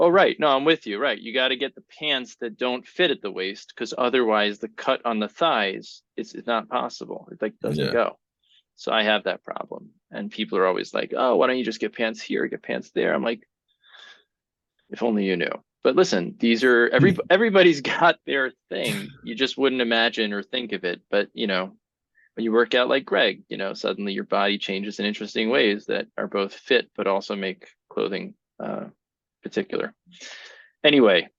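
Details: Adult man speaking; typical speech.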